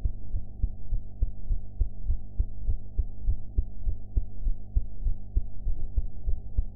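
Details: Heart sounds recorded after eating, sound quality enhanced; regular thudding heartbeat at roughly 100 beats a minute over a steady low hum, ordinary heart sounds, somewhat fast.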